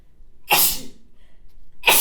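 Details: Woman sneezing while reading Japanese text aloud: a sharp, hissing sneeze burst, a brief pause, then the start of a second sneeze.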